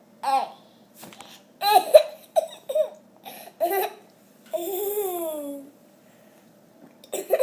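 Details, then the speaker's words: Young child laughing with hiccups: giggling broken by abrupt catches, then a long squealing laugh; hiccups interrupting laughter. "You have hiccups too? Again?"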